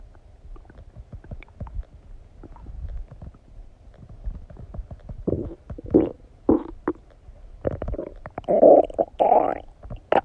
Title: Stomach digesting noises after eating some donuts | My Stomach Makes Noises